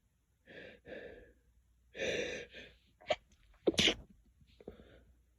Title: Lots sneezes